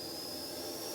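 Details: Steady high-pitched hiss and whine of a suction vacuum regulator running with the vacuum tubing left open, set to -100 mmHg, during a suction canister setup demonstration.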